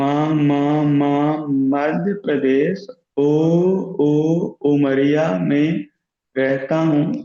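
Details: Man who stammers, in a stammering self-help group, deliberately practising voluntary stammering; sound repetitions are audible; stuttering (voluntary stammering).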